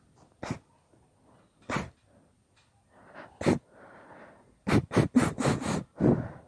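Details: Induced sneezing fit: a long run of about nine sneezes with quick in-breaths between, the last several in rapid succession.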